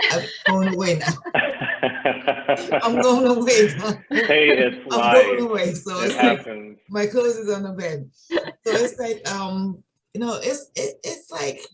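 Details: Adult woman with aphasia of sudden onset one morning about three and a half years ago. Finding: aphasia.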